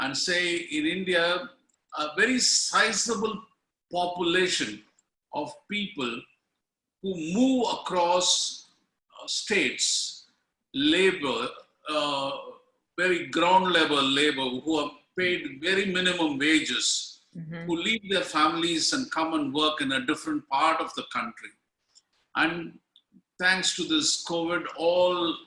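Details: Adult speaker; ordinary speech.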